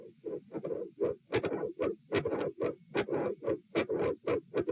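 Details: Heart sounds recorded at the aortic area (position A), patient supine, coarctation of the aorta questioned: regular beat near 74 a minute with a scratchy, drawn-out mid-systolic murmur.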